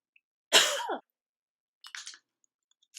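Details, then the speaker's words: One sharp cough burst, then softer throat clearing in a quiet room; an adult coughing after choking on something during a makeup tutorial. "I drink water. I'm choking on something."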